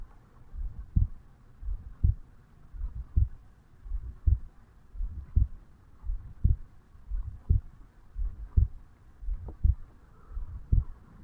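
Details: Heartbeat of a 35-year-old man, self-recorded over the mitral valve area upon waking in the morning: steady, slow, low thumping at about 56 beats a minute with a faint background hum.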